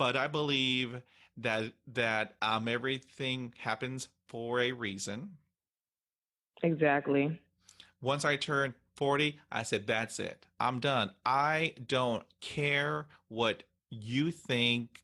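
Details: Adult woman who stutters, interviewed on a stuttering podcast, reporting stuttering hindered her job search and interviews; stuttering.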